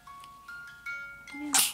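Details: Infant gives small squeaky baby sounds followed by one sharp little sneeze.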